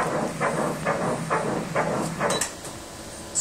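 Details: Fetal heartbeat on a second ultrasound Doppler: regular whooshing pulses, strong and steady, 134 beats per minute.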